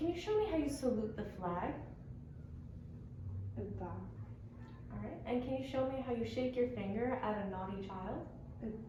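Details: Adult female clinician; typical speech.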